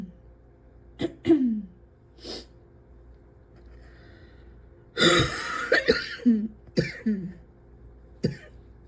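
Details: Adult who can't breathe without coughing: a run of about six harsh coughs over nine seconds, some with a throaty catch; ongoing repeated coughing.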